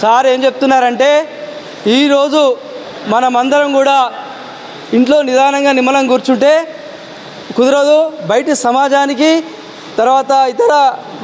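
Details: Adult male speaker; normal voice.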